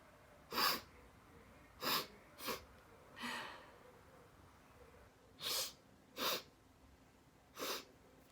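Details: Repeated sneezing while wearing a detox face mask that prevents touching or blowing the nose: seven sharp bursts in eight seconds, loud sneezes mixed with half-stifled ones.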